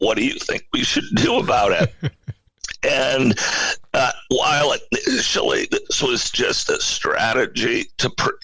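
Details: Adult male CEO with spasmodic dysphonia, a rare neurological voice disorder affecting only speech, of no known cause and with no known cure; acquired in 2010. Finding: spasmodic dysphonia.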